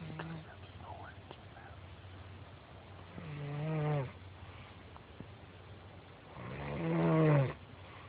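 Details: Someone snoring in a blind: two long, low, rattling snores several seconds apart over outdoor background noise; snoring.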